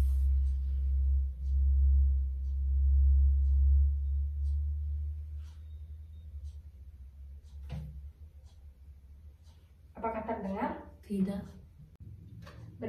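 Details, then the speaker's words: Simulated clinical exam of a 10-year-old with a one-week right ear complaint: Rinne test with a 512 Hz tuning fork held 2–3 cm from the ear canal, a steady low hum fading over seconds; left Rinne positive (normal), right negative. "Apabila suaranya hilang, Ade bisa memberikan tanda dengan mengangkat tangan. Karena berikutnya saya akan meletakkan garpu tala ke depan lubang telinga Ade sekitar 2-3 cm."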